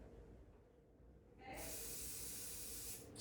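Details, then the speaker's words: Vapocoolant cold spray applied by an assistant to numb the marked incision site before lidocaine, during hormone (testosterone/estrogen) pellet insertion: quiet room, then a steady pressurized hiss of about one and a half seconds. "and then you ask your assistant to spray three shots cold spirit not too close one"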